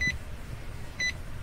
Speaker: we will press f1 which we will select 30 beats per minute and drop that ecg signal below its limits and make the device alarm